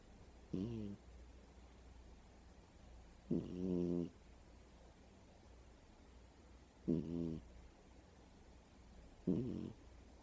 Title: Snoring cat